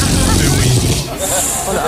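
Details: Adult woman snoring at night in bed beside her partner: low, rough rumbling on a breath during sleep, then a quieter airy breath; ordinary snoring.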